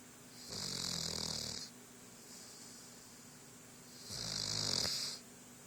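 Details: Snoring during sleep: two long, hissing, rattly snores about three to four seconds apart with quiet pauses between.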